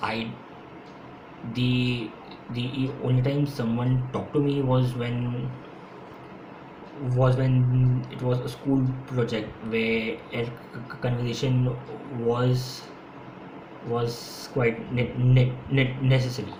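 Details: Stuttering (stammering) in an adult man, present since school; he says he stammers more when speaking faster. His own real speech, with audible repetitions.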